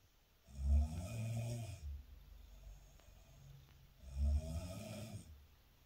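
Two deep, low, fluttering snores about three and a half seconds apart, each followed by a quieter breath.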